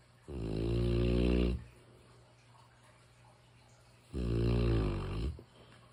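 Two deep, rumbling snores about four seconds apart from a sleeping large dog, with a steady low hum in the room.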